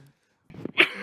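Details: A single short, harsh cough from an adult in a small room, followed by faint room noise, during a live studio broadcast where several participants were said to be ill.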